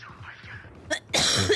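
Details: A short cough burst followed by a louder harsh one over faint game sound, from a gamer coughing heavily throughout a livestream.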